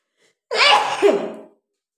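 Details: Woman deliberately triggering repeated sneezes by tickling her nose with paper; a single voiced sneeze with a short intake and then a loud, explosive burst lasting about a second.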